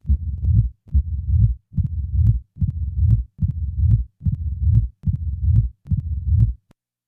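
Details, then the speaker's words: Simulated mitral stenosis: a loud first sound, a mid-diastolic rumbling murmur added after a few cycles, then presystolic accentuation, then an opening snap added. "a loud first sound is followed by a mid-diastolic murmur the murmur will be introduced after the first few cycles now a pre-systolic accentuation is added followed by an addition of an opening snap"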